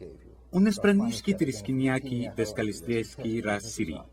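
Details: Acted, not a real patient: a lecturer imitates a comedic 'pirate language' nonsense phrase as an example of fluent aphasia, conveying no information; jargon speech (fluent aphasia imitation).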